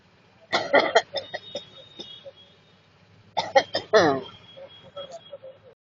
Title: Watch........ the sound of COUGHING.